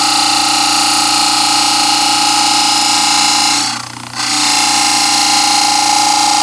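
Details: Loud, steady grinding whine with a brief dip midway as a model trimmer cuts the first side of a plaster dental study model along a line drawn 4–5 mm from the teeth; model trimmer grinding.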